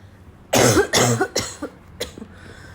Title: choking cough